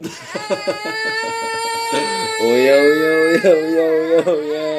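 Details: Infant startled by father's shouting breaks into a high, wavering, tonal cry over background music.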